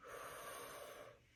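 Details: Deep inspiration, prompted to breathe in during chest percussion with hands on the front and back of the chest to loosen sputum.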